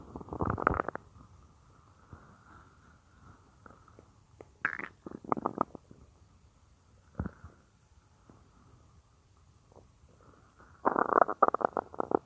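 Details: Real recording of a woman's own stomach, which she says sometimes gets loud, made for a roleplay: irregular gurgling and bubbling bursts with quiet gaps between; normal stomach growling (borborygmi).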